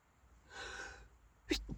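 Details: Sneezing fit while driving a car: a drawn-in breath, then a sudden sharp sneeze burst, in a quiet car interior.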